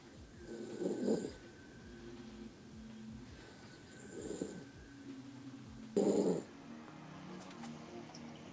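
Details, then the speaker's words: A person snoring loudly in sleep: three rough snoring breaths in about eight seconds over steady room noise. "why does snore so [ __ ] loud"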